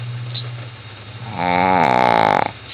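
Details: Sleeping female Shih Tzu, a small flat-faced dog, gives a loud, drawn-out buzzing rumble ending in a vibrating rattle: heavy snoring.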